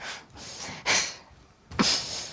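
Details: 15-year-old boy from Bedfordshire with Tourette syndrome whose tics include sharp breathing, shrugging and sniffing round the clock, even asleep: abrupt, sharp sniffing and breathing bursts, simple vocal tics.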